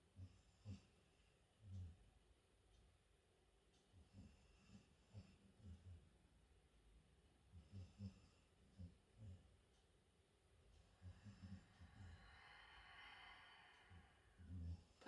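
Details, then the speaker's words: Soft, low, irregularly repeating rumbling snorts from a dog snoring asleep in a quiet room during a chair yoga session; snoring. "way that noise you can hear is my dog snoring it's not me"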